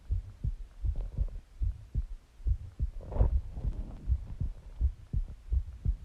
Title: Listen to My Heartbeat and Breathing and Stomach Growling Sounds